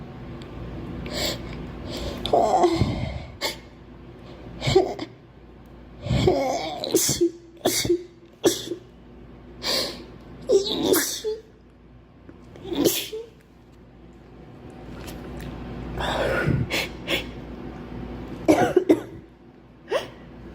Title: Girl sneezing 5